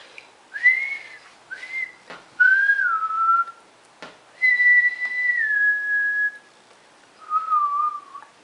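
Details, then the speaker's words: Woman about 1 year 7.5 months (85 weeks) after Bell's palsy onset, attempting to whistle; several short, airy, thin-toned hollow whistles, unimproved over two months; weak whistle from lip weakness due to facial nerve palsy. "It's still pretty hollow. I don't think that it's improved at all since I did my video last, which was probably 2 months ago."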